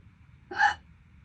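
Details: Single short, sharp, voiced gulping hiccup against a quiet background, near the 10-minute mark of a painful hiccup bout lasting over 12 minutes.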